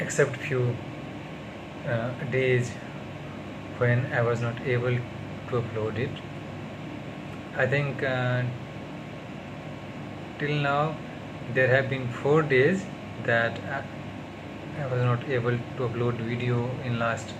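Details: Stuttering in an adult man on day 38 of speech therapy.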